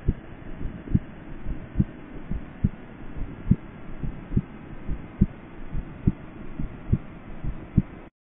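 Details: Regular low-pitched heartbeat at about 70 beats a minute in an OSCE chest-pain patient exam, each beat preceded by a soft extra sound just before the first sound: an S4 gallop.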